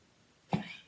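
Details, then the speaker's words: Dog coughing for several days, coming to owner for comfort; a single short, harsh cough in a quiet indoor room. "Donc là, vous entendez mon chien qui tousse, le pauvre. Ça fait plusieurs jours qu'il tousse. Il vient vers moi pour que je le réconforte."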